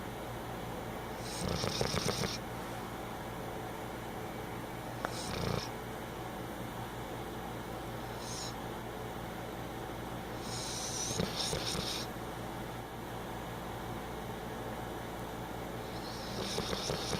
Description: Maggie napping on a hot day snoring.